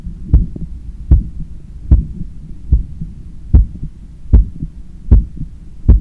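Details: Own heart recorded by stethoscope while lying on a daybed, leaning on the left side, controlling breathing after a 10 km run: strong, regular low thumps at about 76/min with steady hum; normal heart sounds after exercise.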